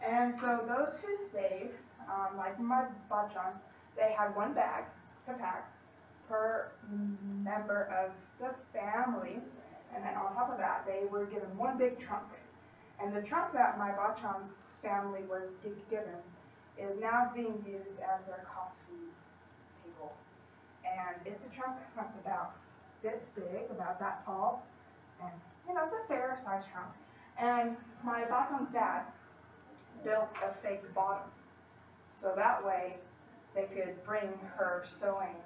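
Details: Female college student who stutters, giving a practice presentation to 10-15 people at her speech therapy clinic; stutters more before unfamiliar people or large audiences and works with a speech-language pathologist on a technique; stuttering.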